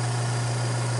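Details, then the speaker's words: Steady low motor hum with a constant drone from a portable suction machine switched on with its tubing pinched and clamped to check maximum pressure on the gauge before tracheostomy suctioning. "this is portable so when I turn it on I need to pinch and clamp the end of the TV look at my gauge and see what the maximum pressure that supply"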